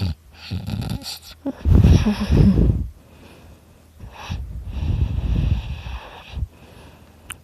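Loud, rough, low snorting breaths with a rattling quality, two main bursts separated by a pause; heavy snoring.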